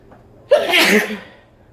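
One sudden, explosive sneeze with a brief voiced onset and a hissing blast that quickly fades; an ordinary sneeze.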